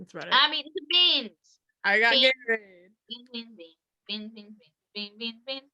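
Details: Woman with Tourette syndrome; an out-of-context phrase is likely a vocal tic; vocal tics.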